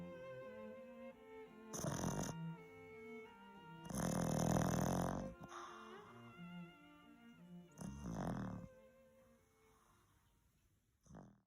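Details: Puppy asleep and dreaming, snoring with low rumbling snores, three bursts over about ten seconds, music in background. Snoring.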